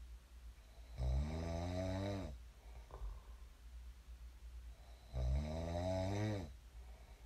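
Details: Real recording of a person snoring in their sleep, shared as snoring ASMR: two loud, deep, rattling inspiratory snores about four seconds apart, with quiet breathing between.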